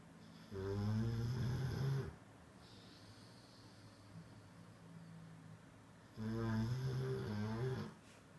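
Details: Sleeping Cane Corso dog snoring: two long, loud, rumbling snores several seconds apart, with quiet breathing between them.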